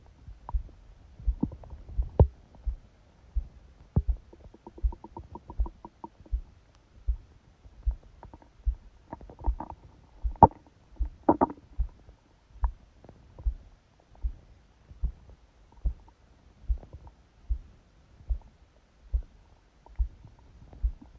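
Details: Bursts of gurgling and rumbling over a steady heartbeat about 75 a minute, recorded by phone held on the abdomen under a book's pressure during sleep; ordinary bowel sounds.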